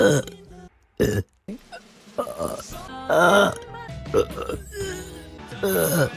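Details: Compilation of loud, throaty burps of varying length from a woman's live streams, with background music.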